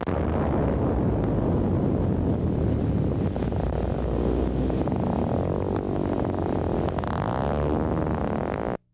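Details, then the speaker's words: Needle EMG teaching recording: rapid buzzing discharges that wax and wane in pitch and loudness, the dive-bomber sound of myotonic potentials, which suggest a myotonic syndrome until proven otherwise. "If myotonic potentials are recognized by the needle EMG test, the patient is considered to have myotonic syndrome until proven otherwise. Only a few other diseases show myotonic potentials on the needle EMG."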